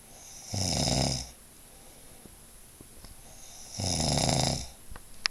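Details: Adult man snoring at night: two loud, rough, rattling snores about three seconds apart with quiet breathing between; snoring.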